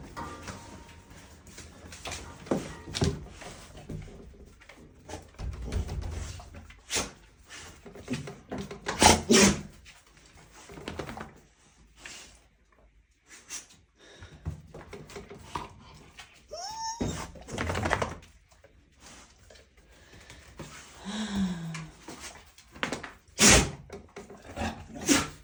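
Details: Several short, sharp sneezes from dogs in a small room in the morning, with scuffling and a brief whine between them.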